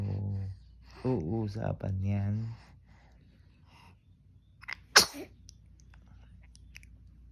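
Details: Brief speech, a quiet pause, then one sharp, explosive sneeze.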